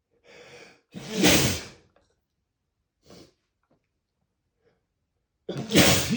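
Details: Male, sneezing without stifling: quick inhaled gasps, each followed by a loud, open, explosive spray sneeze, two full sneezes with a silent pause between.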